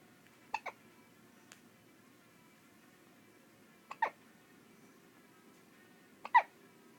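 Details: A baby gives three sharp, brief hiccups a few seconds apart, some with a soft catch before them, over a quiet background; hiccups.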